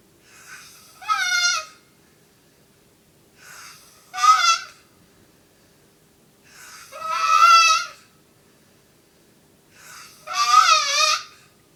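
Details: Person asleep at 5 am, four loud, squeaky, honking snores, each after a soft inward breath, about 19 a minute; noisy breathing in sleep.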